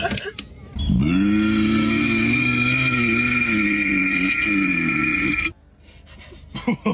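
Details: A person's single long, loud, croaking belch lasting about five seconds after complaining of a stomach ache; a prolonged burp.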